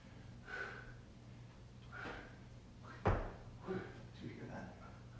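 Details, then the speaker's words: Adult yoga teacher's knee cracks while kneeling in a forward quad stretch, pulling the foot toward the hip: a single sharp crack amid quiet room noise; knee crepitus. "Yeah? That's my knee cracking."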